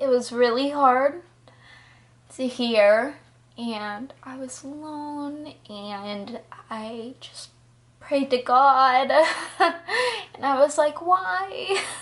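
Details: Ataxic dysarthria in a 20-year-old woman with progressive Friedreich's ataxia, diagnosed at 19, also affecting balance, coordination, heart and muscles but not cognition.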